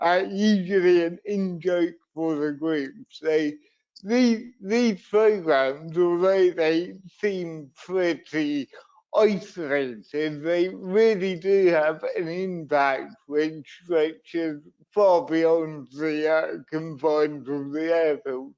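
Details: Dysarthria in an adult man with cerebral palsy, a brain injury sustained through an accident at birth; he also reports being wobbly and unsteady on his feet.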